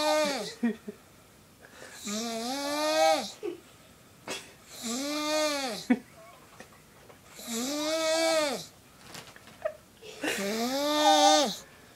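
Loud, regular snores with a rattling, vibrating tone and quiet breaths between them, about 5 snores in 12 seconds.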